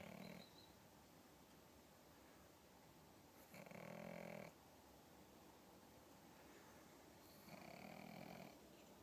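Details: Pug snoring in sleep: two loud buzzing, whistle-tinged snores separated by quiet breathing, typical flat-faced dog noisy sleep breathing.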